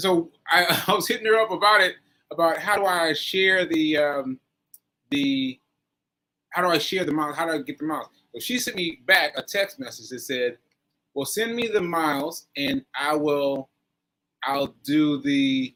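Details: Post-stroke aphasia with word-finding difficulty in a male stroke survivor, nearly a year after a stroke on 7/14/22 (recorded 7/4/23); he is still recovering and says his aphasia makes some things harder.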